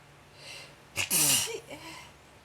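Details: Sneeze attack, sneezing non-stop: a quick indrawn breath, then one loud explosive sneeze with a short vocal tail, in a quiet room.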